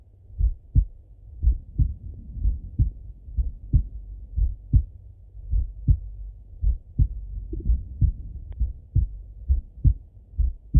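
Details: Full heart auscultation through a stethoscope on a male, recorded either sitting at a desk or lying in bed: regular low lub-dub beats at roughly 80 a minute, clean paired sounds and no added noises, normal heart sounds.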